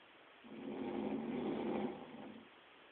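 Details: Snoring in a drunk person: a single low, rattling breath lasting about two seconds, rising and fading in a quiet room.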